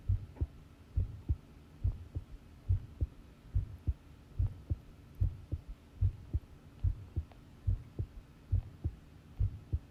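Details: Long self-recorded heartbeat while listening to one's own pounding heart: regular low paired thumps at about 70 beats a minute over a faint hum; normal heart sounds.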